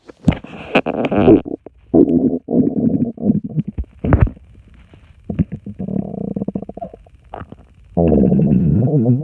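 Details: Bubbly stomach rumbling (borborygmi).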